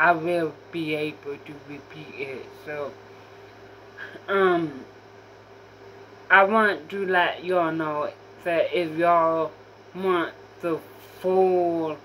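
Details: Female speaker with self-reported apraxia; apraxia of speech.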